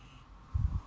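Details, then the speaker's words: A single short, low, rumbling snore from a sleeping dog who is unwell and clingy, heard after a moment of quiet room noise; snoring. "I'm sorry if you can hear the dog snoring, but where he's not very well, he's very, very clingy."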